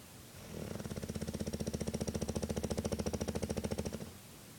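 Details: A sleeping bulldog of about 90 lb giving a long, loud, rattling snore that vibrates rapidly for about three and a half seconds; heavy snoring.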